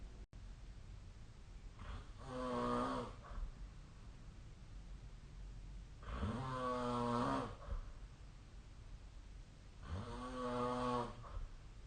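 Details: Regular heavy snoring during sleep, recorded 2025/04/08 with the SnoreLab snoring app: three slow, deep rattling snores about four seconds apart, roughly 16 a minute, over steady room hiss.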